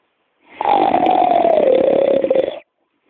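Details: Snoring: one long, loud, buzzing, rattling snore lasting about two seconds, its pitch falling slightly toward the end.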